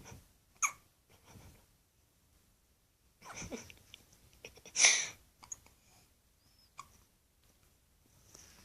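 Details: Hiccups: brief, sharp catches of breath every couple of seconds between quiet breathing.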